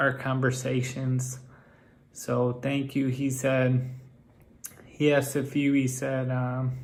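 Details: Man with Friedreich's ataxia whose speech has become increasingly impaired over time; ataxic dysarthria.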